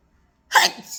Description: Really wanted to do some work but the weather keeps making me sneeze!